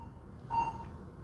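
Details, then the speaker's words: Pulse oximeter beeping with the doctor's own heartbeat as he deliberately controls his heart rate through biofeedback; the beeping stops when the probe is removed. "You hear it because this is me. Want proof? I take it off, it goes away behind me, right? So this is biofeedback. I'm controlling my heart rate."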